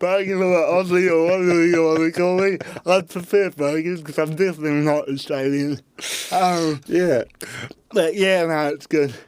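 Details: Adult man with cerebral palsy since birth, parents told he would never walk or talk, intensive therapy from birth to age six for walking and talking, used a walking frame at school; dysarthria (cerebral palsy).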